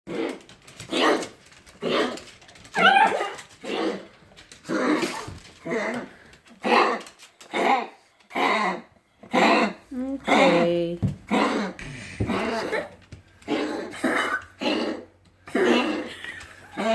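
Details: A female pug gives a run of repeated harsh, hacking coughs, about one a second, with a brief whine midway.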